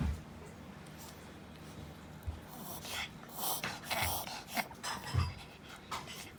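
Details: 2-year-3-month-old female toy poodle with frequent laboured-breathing episodes triggered by excitement, vet-diagnosed reverse sneezing with no treatment needed; rapid noisy snorting inhalations in bursts.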